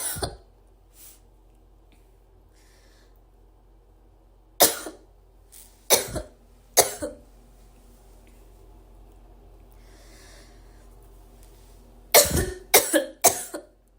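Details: About eight sharp, dry coughs from a female, singly and then in a quick burst of four, with quiet room noise between.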